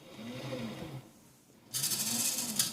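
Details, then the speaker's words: Homemade bag-squeezing mechanical ventilator, microcontroller- and servomotor-driven, tidal volume set to about 500, homing and initializing: low motor drone, a brief pause, then a loud hissing rush of air as it cycles. "so we can fire it up for a second here it's set to about 500 it's going to home actually you'll hit the home switch and then initialize okay"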